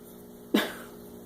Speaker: I got the hiccups. Where did you get the hiccups?